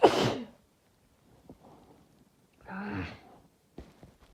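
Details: Woman giving one loud, sharp sneeze at the start, followed by quiet breathing and a brief voiced sigh; a single ordinary sneeze.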